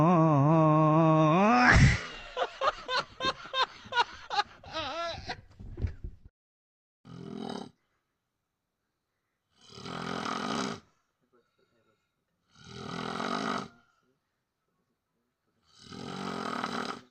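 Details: A droning, wavering vocal sound gives way to rhythmic rough snores at about 20 a minute: snoring.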